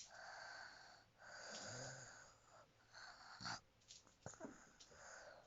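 High, whistling breath sounds with snoring during sleep, with breaths that come irregularly.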